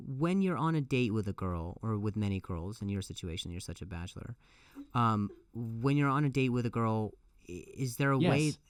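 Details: Adult male comedian who stutters and says it has gotten a lot better over the years; clip has repeated words and phrases; stuttering.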